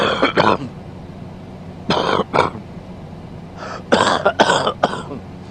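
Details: Man coughing during sleep: about eight harsh, throaty coughs in three clusters over a steady low background hum.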